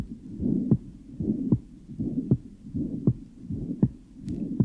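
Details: 14-year-old girl with tricuspid stenosis and regurgitation: heartbeat about 78/min with a rumbling murmur between beats; the diastolic murmur increases markedly on inspiration, its first part becoming higher-pitched and squeaky.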